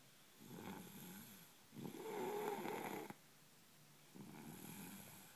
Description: My boy snoring